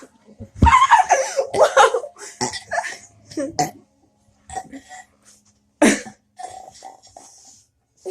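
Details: Deliberate burping challenge between two friends: a loud belch followed by laughter and a few smaller burps in a quiet room.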